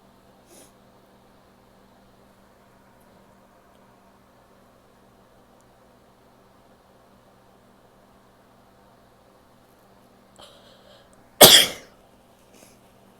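Quiet room with a faint sniff, then one sharp, short sneeze burst and a soft breath afterward.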